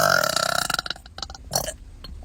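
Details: Young woman deliberately burping, swallowing air to release more: a loud, drawn-out voiced belch fading into a few shorter gulping burps; ordinary burping.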